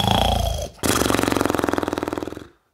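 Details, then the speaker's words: Sleeping person: a harsh breath followed by a loud, rapidly fluttering rattle on the next breath: snoring. "सोए हुए जब खर्राटे लेते हैं तो इस आवाज को इंग्लिश में स्नोर कहते हैं"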